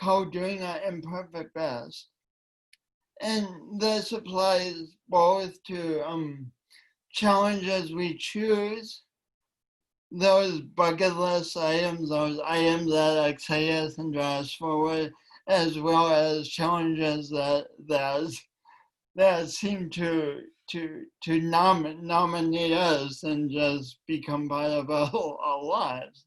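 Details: Woman with a long-standing speech impediment affecting her voice and coordination, which she denied for years; speech impediment (dysfluency).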